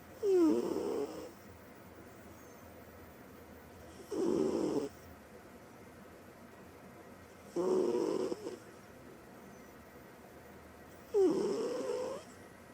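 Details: A female cat that plays hard and sleeps hard, asleep, gives four regular soft rattling buzzing snores on the in-breath, about 3.5 seconds apart (about 17 a minute) with quiet pauses; cat snoring.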